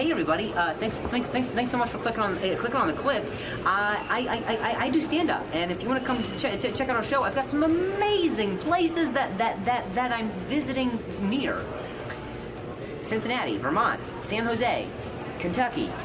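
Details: Stuttering throughout adult life in a man, starting at age 20 after a softball hit to the throat and a fall with head injury and concussion; stand-up comedian with repeated words and part-words.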